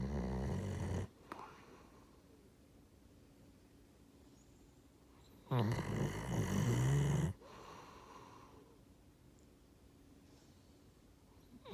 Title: Do you Hear Someone Snoring?